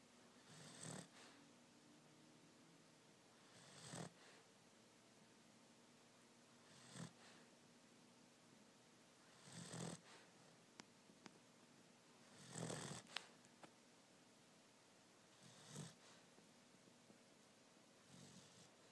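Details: Small dog snoring in sleep; soft snorting snores about every three seconds, roughly 20 a minute, in a quiet room.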